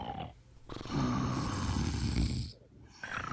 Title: 4 hours of sleeping girls fell asleep and snoring